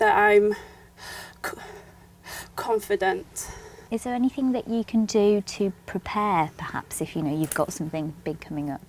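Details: Young adult speech, possibly two speakers; plain speech.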